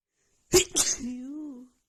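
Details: Two rapid, explosive sneezes with a brief voiced trailing sound, part of a sneezing fit in a person with a cold and blocked nose, set off by sniffing a tiny bit of black pepper.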